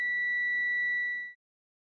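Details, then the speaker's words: Hearing aid feedback: whistling, chirping or warbling tone caused by sound from the hearing aid's speaker being picked up by its microphone in an endless loop. "This feedback sound occurs when audio coming out of the hearing aid's speaker is picked up by the microphone in an endless cycle."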